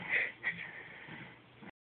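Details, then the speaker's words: Baby boy snoring like a grown-up: a single rough, noisy breath through the nose and throat in a quiet room. "This is my baby. Listen to him snore. He sounds like a grown-up, doesn't he?"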